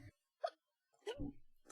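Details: Two short, abrupt voiced gulps from a streamer during a live stream, the second trailing into a brief voiced sound, in a quiet room; part of a recurring hiccup bout; hiccups.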